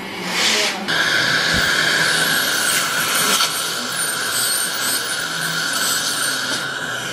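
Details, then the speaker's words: Ultrasonic teeth cleaning at a dental check-up, removing tartar (calculus) from between the teeth; high steady whine of the ultrasonic scaler with hissing suction, procedure described as pain-free. "i just want to explain to you guys about my procedure today at the dentist firstly the procedure is called ultrasonic teeth cleaning and it's pain-free honestly it's pain free except you have extremely sensitive teeth"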